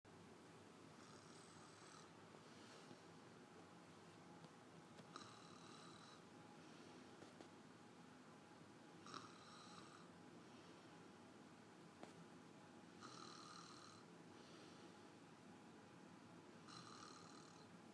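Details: Adult woman (wife, said not to snore) asleep: soft, regular hissing snores about every 4 seconds, around 15 a minute, over steady room hum; mild snoring.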